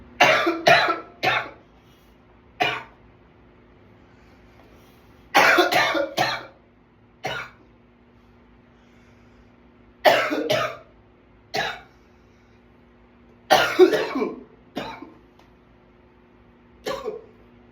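Repeated bursts of harsh coughs in clusters of two to four, about fourteen coughs in total, separated by short pauses: a prolonged coughing fit.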